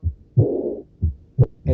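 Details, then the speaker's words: Early diastolic murmur of aortic regurgitation, best heard at the accessory aortic focus (3rd left intercostal space at the sternal border) with the stethoscope bell: soft, low-intensity blowing murmur right after S2, about 60/min, non-radiating. "Aquí tenemos un soplo diastólico por regurgitación de cualquiera de las dos válvulas sigmoideas. Vamos a escuchar este. Son soplos de poca intensidad, aspirativos, tienen ese carácter, aspirativos, no tienen irradiación."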